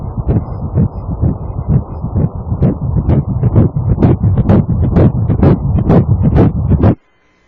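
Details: Ultrasound Doppler fetal heartbeat at 6 weeks 2 days of a first pregnancy, 4 mm embryo beside the yolk sac: rapid, regular whooshing pulses at about 128 per minute; normal fetal heartbeat.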